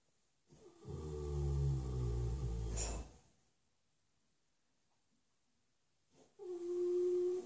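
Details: A 6-year-old shire horse flat out asleep in his stable: deep, loud rumbling breath lasting about two seconds, then a pause and a higher groaning sound; heavy snoring.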